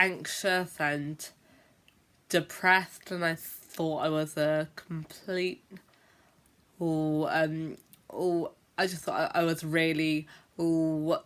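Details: Adult female teacher who stammers (stutters) and says she blocks for a long time when speaking; stammering.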